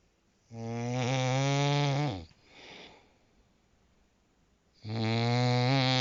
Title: How to sleep. Professional snoring. Zzzzzzzzzzzz. #sleepsoundly #zzzzz #sleepdeeply #sleepapnea